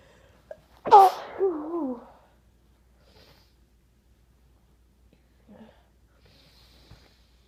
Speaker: I still have to sneeze. How is that even possible? Oh my god, it's stuck.